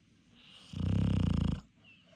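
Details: Person sleeping after being tired from a full day's work: one deep, low, fluttering snore lasting nearly a second, with a rapid rattling vibration in the airway; snoring.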